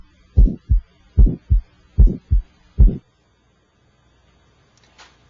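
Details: Electronic stethoscope cardiac exam moving from apex toward aortic area, listening for extra sounds or murmurs: four clear lub-dub pairs at about 74 a minute, crisp S1 and S2, no murmur; normal heart sounds.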